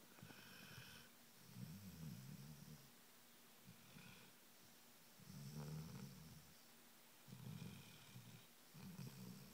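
Quiet, repeated low rumbling snores at a steady breathing rhythm, about 15 a minute, from a sleeping dog; snoring.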